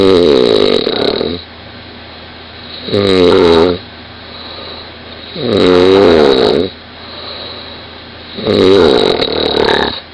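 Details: Woman, 20, recorded by her boyfriend in the same bed: four loud, vibrating snores about every 2.7 seconds, roughly 22 breaths a minute, with quiet exhalations between; heavy snoring.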